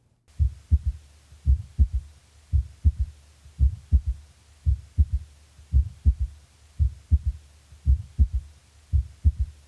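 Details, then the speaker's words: Third heart sound (S3) in a teaching recording with a regular rhythm near 56 a minute. A soft, low-pitched extra sound follows S2 by a longer interval than an opening snap. S3 is best heard with the stethoscope bell lightly held. "note that the s3 follows the second sound by a longer interval and is lower in pitch than the opening snap"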